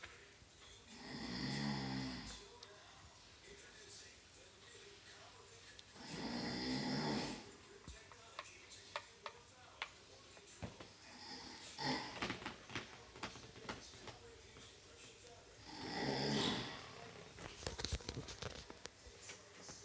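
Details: Grandfather snoring: loud, rough snores about every five seconds, roughly twelve a minute, over room noise and faint clicking.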